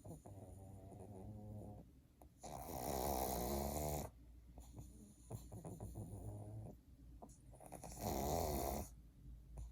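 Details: Pug sleeping and snoring: loud, rough snoring with noisy rasping in-breaths and softer fluttering out-breaths, about 12 breaths per minute.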